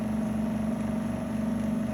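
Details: Double-bottle trolley suction machine running with vacuum set at 0.06 MPa: continuous steady low motor hum with slight wavering.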